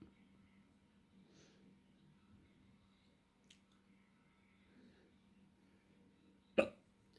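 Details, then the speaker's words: A single sharp, abrupt hiccup in a quiet room, the eighth of ten counted hiccups from a person who has hiccups. "I have hiccups. 1. I'm going to do 10 hiccups."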